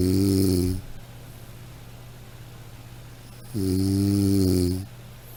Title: Snoring sound